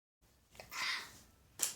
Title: Makeup tutorial sneeze fail